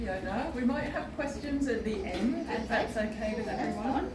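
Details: Adult woman speaking; no disorder.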